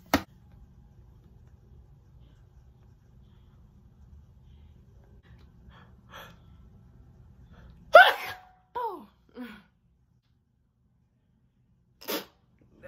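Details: Woman deliberately trying to hold back sneezes on request: a short burst at the start, a louder clipped sneeze near eight seconds with small follow-up bursts, another at the end; muffled, stifled sneezes.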